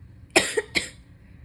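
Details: Two sharp, harsh coughs in quick succession from an adult who is still sick with fever, croaky voice and nasal congestion, also coughing and sneezing repeatedly.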